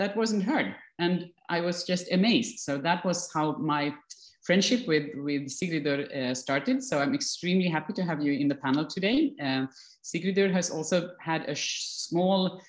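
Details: Adult woman speaking; normal speech.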